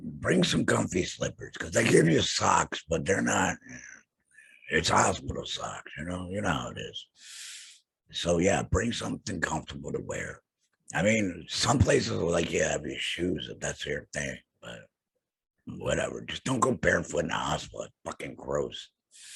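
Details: Man who had a total laryngectomy for throat cancer and has no vocal cords; he has a stoma and an HME and speaks with a tracheoesophageal puncture (TEP); tracheoesophageal speech after laryngectomy.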